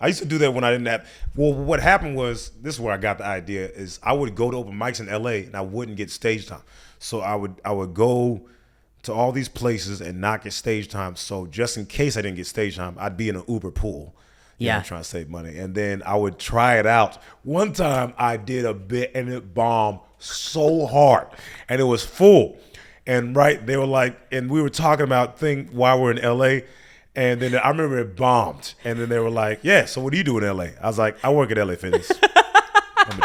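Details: Adult male speaker; normal conversational speech.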